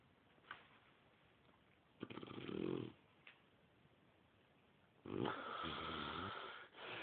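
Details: Dog snoring in its sleep after a peanut butter treat: two rough, fluttering snores with a faint whistle on the longer one.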